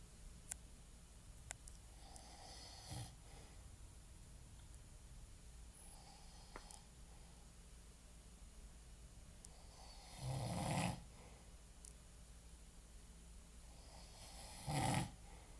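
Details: Adult man (a father) asleep, snoring: a few soft snorting snores on in-breaths, spaced several seconds apart, in a quiet room.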